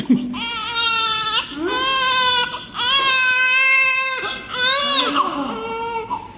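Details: One-day-old hungry newborn crying: loud, rhythmic long wails with brief gasping pauses; a normal hunger cry.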